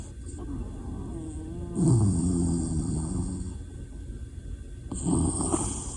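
Low rattling snore with a fluttering, throaty quality over a steady background hum, a second snore starting at the end; snoring.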